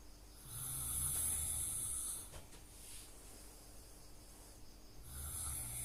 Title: Snoring sound